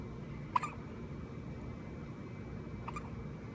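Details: Infant boy with hiccups: two small, sharp hiccups about two seconds apart against quiet room noise.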